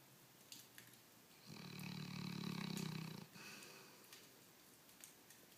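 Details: Snoring and loud farting from a nearly 16-year-old female dog wearing a cone after recent leg surgery; she always snores.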